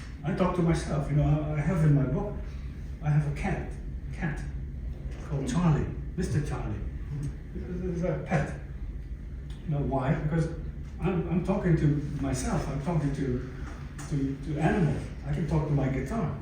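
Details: Aphasia in an adult stroke survivor, following a stroke about 11 years earlier; aphasia.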